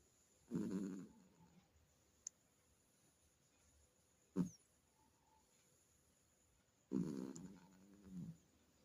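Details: Cat snoring while asleep at night: low rattling snore bursts separated by a few seconds of quiet.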